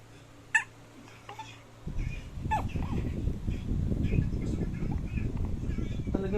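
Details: Hiccups in a newborn baby.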